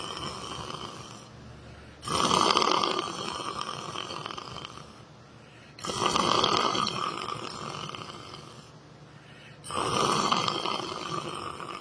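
Very loud, harsh, buzzing snores repeating about every four seconds, roughly 16 breaths a minute. Heavy snoring.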